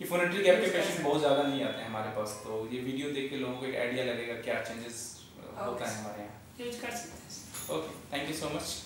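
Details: Adult male speech therapist; Normal voice.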